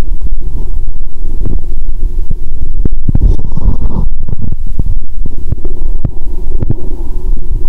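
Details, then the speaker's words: Abdominal sounds as she starts drinking cola (cola and Mentos session), belly said to be distended: loud gurgling and rumbling with scattered pops; active bowel sounds (borborygmi). ""Bụng chướng lên rồi !!"."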